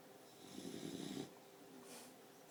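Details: 4-month-old Boxer puppy sleeping: one short rattling snore followed by a soft exhale in a quiet room; snoring.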